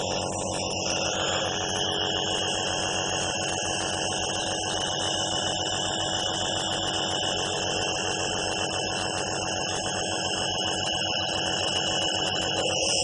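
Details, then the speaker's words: Jet nebulizer running during a respiratory therapist's inhaler-technique demonstration, aerosolizing medicine: steady mechanical hum with hissing, bubbling rush; treatment takes 10–15 minutes until a different sputter signals empty. "so let me just quickly show you how it looks like so you can see that it is being aerosolized"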